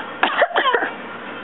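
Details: Young child just learning to walk gives one short, voiced, deliberate fake cough on request, a harmless pretend cough.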